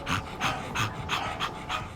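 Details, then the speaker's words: Dog breathing heavily with a huffy noise, rapid huffing breaths about 180 a minute: laboured breathing. It was first thought something was stuck in the throat, but none was found, and tick paralysis is suspected. "He's breathing quite heavily. He's sort of making a bit of a huffy noise, but I really couldn't feel anything in there."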